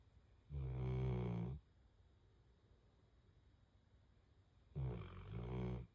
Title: Bruno is SNORING SUPER loud as I WFH #wfh #doglovers #canecorso #snoring